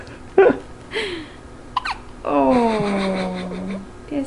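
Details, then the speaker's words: Young child's hiccups after eating too fast: a sharp voiced hiccup followed by a few softer catches and a drawn-out vocal sound. "somebody's got the hiccups we have them why are you oh there we go"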